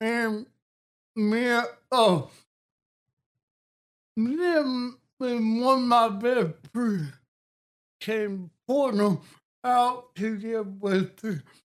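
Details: Adult man with cerebral palsy and a speech impediment since childhood, with balance problems; dysarthria (cerebral palsy).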